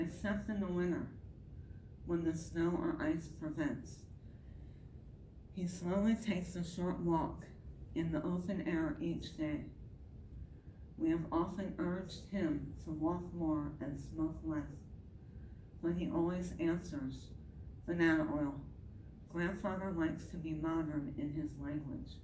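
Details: Adult woman with myasthenia gravis, apparently without her palatal device; palate fails to close so air escapes through the nose during reading; hypernasal speech (velopharyngeal insufficiency).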